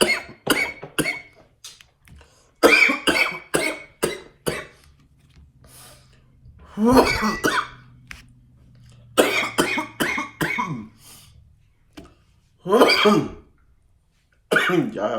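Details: Adult gives repeated harsh coughing fits, about seventeen coughs in all, after inhaling smoke from a nectar collector; cough after inhaling smoke.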